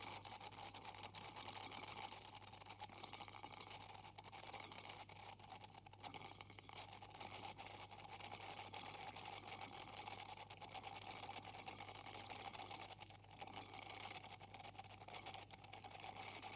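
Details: Ultrasonic scaler used by a dental hygienist to clean the teeth of a patient with heavy plaque and tartar, with possible gingival inflammation: a steady high-pitched whine with faint scraping and water hiss as tartar is removed.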